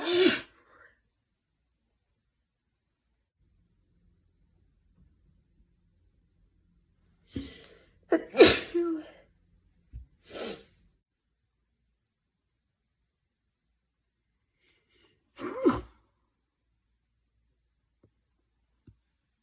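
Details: Stifled and mostly unstifled sneezes: several sharp sneezes in a quiet room, a few close together, then one more after a pause.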